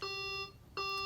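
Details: Servo-i ventilator starting its pre-use check after power-on: two clear electronic beeps, the alarm tone as the self-test begins.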